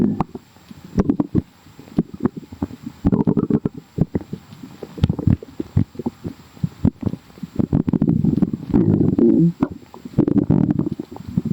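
Bubbly, gurgling low rumbles with frequent pops, stomach growling from gas and fluid moving through the gut, a normal sound.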